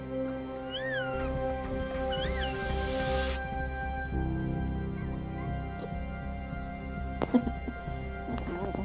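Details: Baby with cri du chat (5p minus) syndrome: two brief, high, thin mewing cat-like cries over background music.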